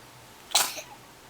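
A single sharp, hissing sneeze burst from an infant, with quiet room tone around it.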